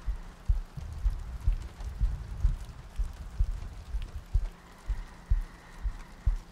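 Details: Three-hour looped ASMR sleep-aid recording with soft breathing and rain ambience; soft, regular low thumps about 60 a minute with light rain behind; steady heartbeat.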